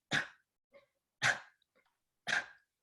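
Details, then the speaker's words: Adult imitating expiratory grunting in children with respiratory distress: after a deep breath in, three short, harsh grunts at the start of each breath out, a sign of severe distress. "something that we call grunting and my kids are gonna laugh at me for this but the children they take a deep breath in and as they're about to breathe out they make this sound"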